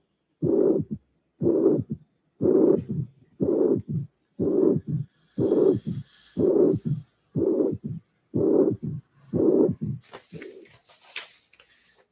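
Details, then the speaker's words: Severe mitral regurgitation: a third heart sound followed by a short diastolic flow murmur. "this is a a an example of a severe maditation because there is a third sound and the small mmur after the third sound"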